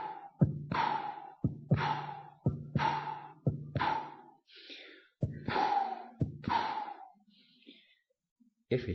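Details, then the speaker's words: Stethoscope over the aortic area: sharp heart sounds each followed by a long, fading blowing early diastolic murmur, aortic regurgitation. "we will listen to S2 we will look for murmur is it systolic or diastolic if diastolic we will hear it atic"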